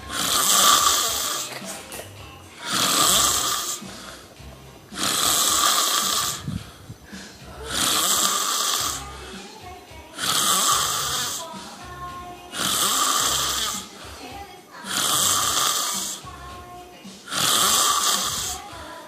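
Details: Sleeping person, a few seconds after a phone call: regular hissing, whistling snores about 24 a minute with background music; snoring.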